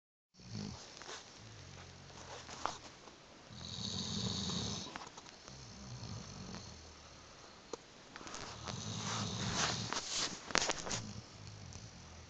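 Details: Dog rescued 9 years earlier, asleep on a bed, later diagnosed with T-cell lymphoma: rumbling snores with a whistling edge in repeated breaths over a noisy room background; snoring.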